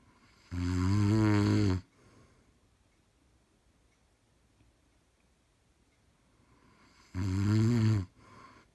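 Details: Sleeping man, two loud, low, rattling snores on the in-breath about six seconds apart with quiet breathing between; snoring.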